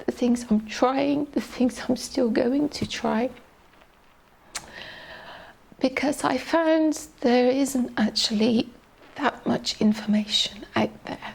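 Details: Adult woman, a teacher, with adductor-type spasmodic dysphonia, a neurological voice box disorder with muscle spasms during speech, diagnosed 2020 by an ENT specialist; shaky voice, getting stuck at sentence starts and middles; adductor spasmodic dysphonia.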